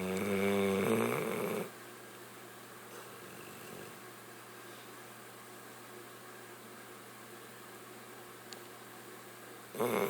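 A loud snorting, rattling snore at the start and again at the end, with a steady hum of room noise between; typical dog snoring.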